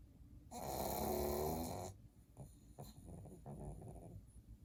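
One long, loud rattling snore from a sleeping small dog, followed by quieter snuffling breaths; typical snoring of a flat-faced breed.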